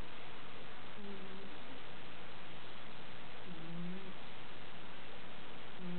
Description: managed to sneak up on my fat kitty, Ember while she was wheezing/snoring. too cute!